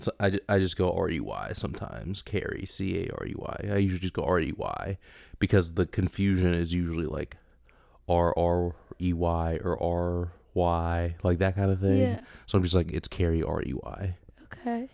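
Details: Adult male speaker; Normal speech.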